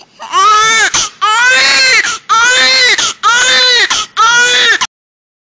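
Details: Baby girl crying: five loud, strong, full-voiced bursts separated by brief catch breaths; vigorous infant cry.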